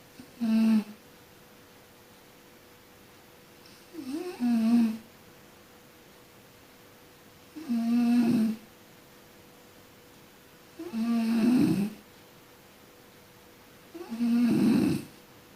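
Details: A sleeping person snoring: five rough, buzzing snores with quiet pauses between, about 18 a minute, in a quiet room.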